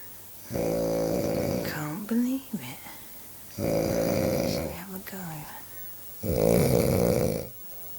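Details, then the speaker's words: Person snoring very loudly: rattling snores in long breaths about every three seconds, with softer whistling between them, while someone talks loudly nearby without waking the sleeper. "I have never heard you s like this in my life and if you do this when we get in the bed I will kick your ass because you're very annoying and it's very loud"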